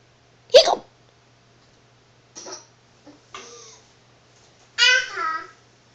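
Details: Young child with hiccups: a sharp, sudden hiccup followed by brief voiced sounds in a small room.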